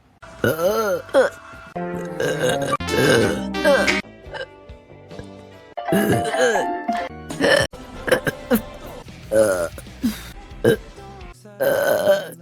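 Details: Female livestreamer, compilation of several long, loud, gurgling voiced belches over background music; repeated burping.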